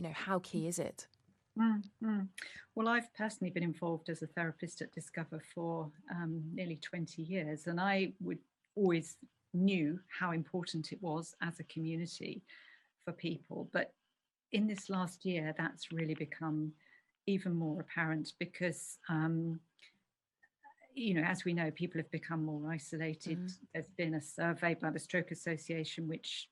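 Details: Adult woman speaking; normal speech.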